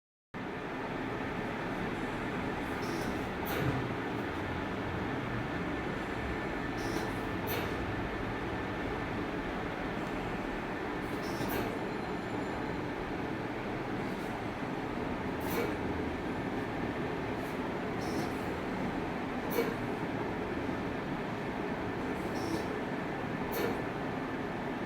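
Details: Steady machine hum and whoosh with a soft click about every four seconds: a mechanical ventilator cycling.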